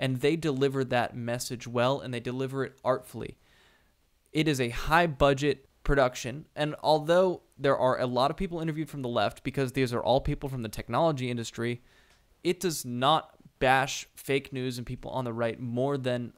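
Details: Adult male speaker; ordinary speech.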